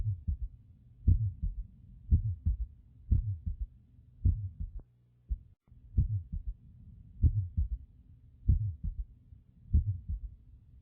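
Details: Slow, low-pitched heartbeat through a stethoscope with an extra soft thud after the second sound: third heart sound (S3 gallop), presented alongside an innocent murmur.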